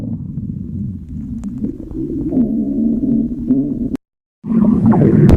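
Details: Low, drawn-out gurgling rumbles with shifting pitch, ending in a louder burst after a short pause; ordinary stomach growling from gas and fluid moving.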